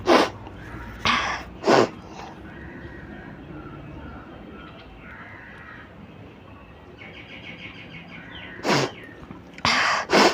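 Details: Repeated sneezes brought on by tickling the nose with paper in a 100-times sneezing challenge: several sharp, explosive bursts with quiet gaps between them.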